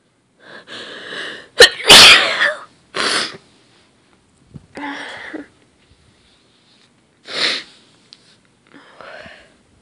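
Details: Person trying to hold back sneezes, then several forceful, somewhat messy sneezes, some with a held-back catch or gasp before the burst, separated by pauses.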